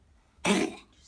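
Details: Single short, dry, hacking cough from a cat with a slow-resolving cough; X-ray normal, antibiotics and asthma steroids didn't help; later lung sample found Mycoplasma felis infection, cured with doxycycline.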